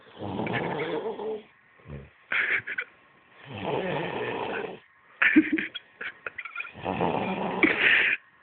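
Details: Heavy snoring from a very drunk person: loud, rough, rattling snores on each breath in, about 19 a minute, with soft clicks and mouth noises between.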